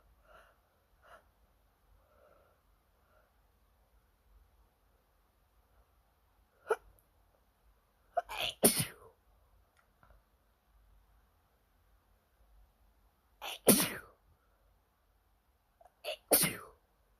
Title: Late night ITCHY NOSE! Can’t stop sneezing 🤧